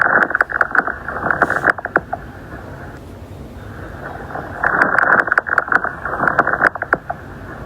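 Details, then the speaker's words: Fine crackles heard with the stethoscope diaphragm on the back of a seated patient with arms crossed: crisp, velcro-like crackling clicks during two inspirations, linked to interstitial disease such as pulmonary fibrosis. "Al momento de abrirse bruscamente durante la inspiración van a generar el ruido característico de velcro."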